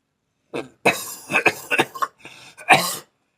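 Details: Adult with lung congestion, improving, possible lung infection: a rapid run of several harsh, rough congested chest coughs in quick succession, in a quiet room.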